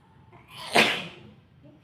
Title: Dusting Sneezing.